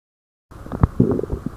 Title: stomach growling